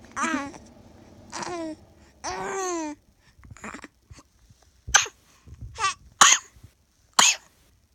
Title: Baby brother coughing noise